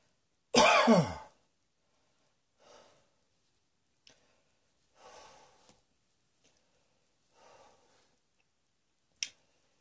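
One loud, harsh cough followed by several softer breathy coughs or exhalations in a quiet small room.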